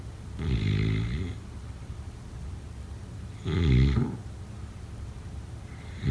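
Low rattling snores on inhalation, about three seconds apart, roughly 20 a minute, with quiet pauses between; ordinary snoring.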